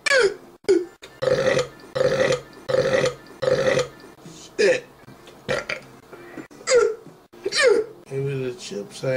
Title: HICCUPs, BURPs, and a FART!!!